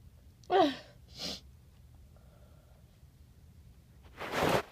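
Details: Sneezes after sniffing a tiny amount of chhinkni powder for a stuffy nose: a voiced sneeze with an indrawn lead-in, then a softer follow-up and a later breathy burst.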